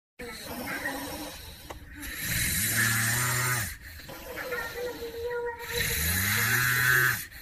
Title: Snoring funny noises